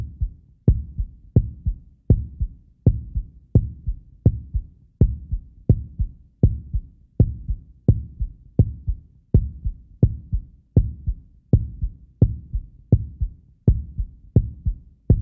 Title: HEARTBEAT | SOUND EFFECT | HEART SOUND | FREE SFX